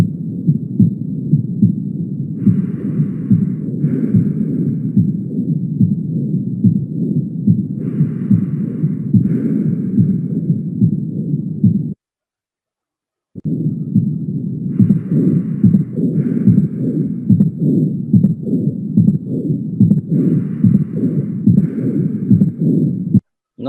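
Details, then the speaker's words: Mitral stenosis: regular heart sounds near 72 a minute, with an opening snap after the second sound that mimics a gallop or third sound, followed by a low rumbling diastolic murmur. "lo que están escuchando es el el sonido número dos con el con el chasquido de apertura como si fuera una disociación como si fuera un tercer ruido"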